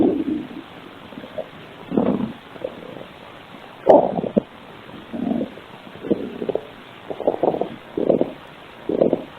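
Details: Ordinary bowel sounds (borborygmi): low gurgling, rumbling bursts of stomach growling that come and go over a quiet background.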